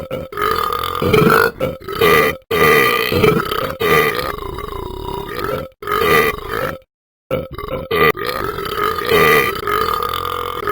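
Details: Burping: a series of long, loud, drawn-out voiced belches with brief pauses between them.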